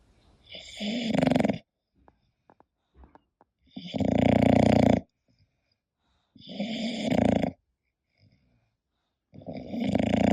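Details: English bulldog sleeping: loud rattling snores on each inhalation, about every three seconds (about 20 breaths a minute), typical short-nosed dog noisy airway in sleep, with background music.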